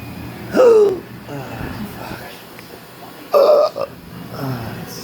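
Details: Two loud, abrupt voiced belch-like sounds against a steady room hum in a patient with persistent intractable hiccups, breathing and choking spasms and erratic stomach sphincter control, ongoing since December 2015; burping.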